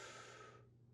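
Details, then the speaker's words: An adult man imitating one smooth, uninterrupted swoosh of inspiration with no breaks, a normal breath in, contrasted with the choppy segmented breathing of respiratory dystonia in spasmodic dysphonia. "like that where it's a long swoosh in of air, it becomes a and I'm exaggerating a kind of a so the rather than a smooth inspir inspiration that's cut into little pieces by these spasms that are segmenting the inspiratory flow"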